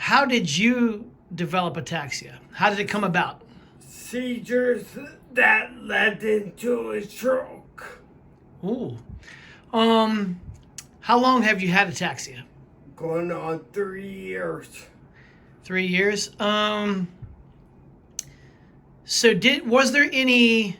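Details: Adult interviewer, with brief replies from a second adult; typical speech.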